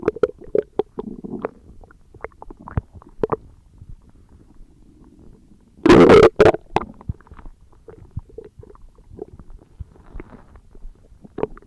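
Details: Stomach growling recorded as ASMR: gurgling, bubbling abdominal sounds with scattered pops and one loud rumbling burst.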